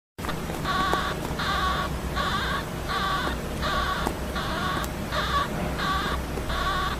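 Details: Baby hamster snoring while asleep on someone's hand; owner unsure whether snoring or dreaming.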